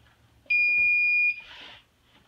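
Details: AED training unit with training pads plugged in, switched on with its on/off button; a steady, high electronic tone under a second, then a brief voice prompt beginning instructions.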